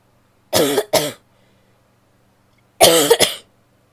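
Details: Female coughing: two pairs of short, harsh cough bursts separated by a quiet gap, four coughs in all.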